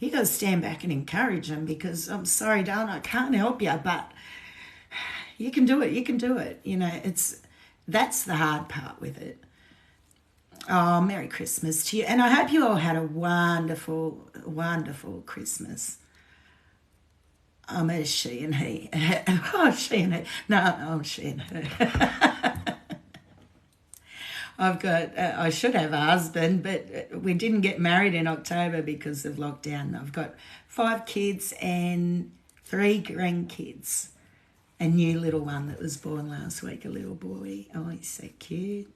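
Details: Woman with essential tremor, voice tremor worse than usual today after two days of drinking alcohol, with alcohol withdrawal shakes on top of her essential tremor; voice tremor (essential tremor).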